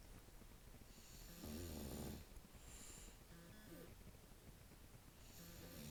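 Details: Soft, rattling snore-like breaths, one louder than the rest, over faint background noise, from sleeping dogs; snoring.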